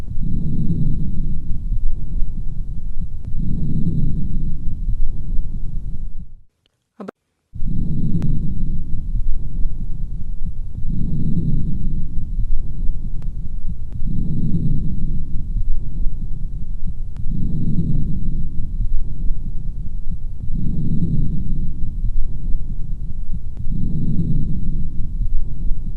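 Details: Lung auscultation sound effect: soft, regular breath sounds through a stethoscope at about 19 breaths a minute, with one brief repositioning gap.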